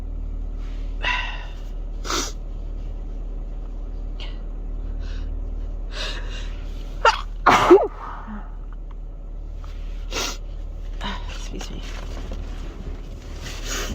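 Several short, sharp sneeze bursts over a steady car engine hum, including a quick double sneeze.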